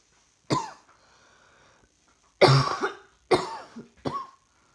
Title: Coughing clips while trying to work. Feeling rather hot today